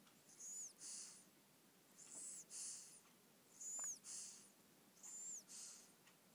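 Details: Rhythmic paired breath noises at about 40 a minute with a thin whistle each cycle, louder this time, from a sleeping dog; snoring.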